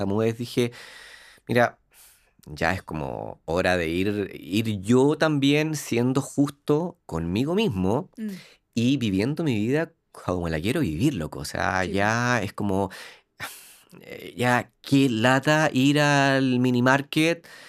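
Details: Adult man who lives with stuttering, speaking Spanish; stuttering.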